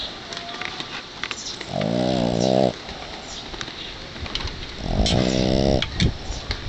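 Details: Dog asleep in his owner's arms, worn out from playing in the yard; two loud, rattling snores roughly three seconds apart, each about a second long, in a quiet room.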